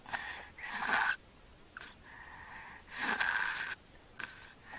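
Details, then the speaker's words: Sleeping child snoring and breathing through the mouth, not congested; harsh hissing breaths in irregular bursts with quiet gaps and little airflow, obstructed breathing during sleep that precedes apnoea and gasping. "okay let's listen again you can hear snoring he's breathing through his mouth knows he's not congested"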